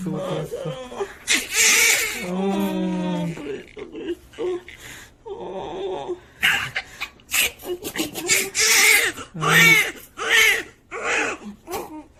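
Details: Newborn just born, giving loud, strong, high-pitched bursts of crying with adult voices nearby; a normal vigorous first cry.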